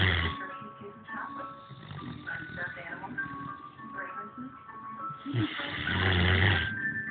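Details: Ordinary snoring: low, rough rumbling snore sounds at the start and again near the end, partly masked by music with singing playing throughout.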